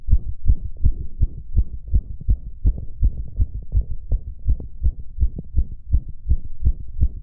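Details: Male heartbeat recorded during pleasure, shortly after a previous recording: regular, rapid, strong low thumps at roughly 80–85 paired beats a minute; fast but regular heartbeat.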